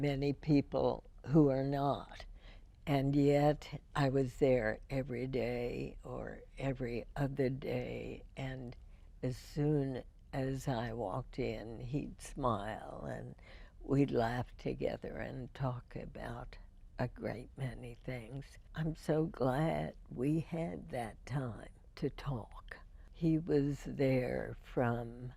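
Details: Adult woman (radio host) with spasmodic dysphonia first diagnosed in 1998, treated every four months with botulinum toxin injections into the vocal cords; her voice is described as imperfect; spasmodic dysphonia.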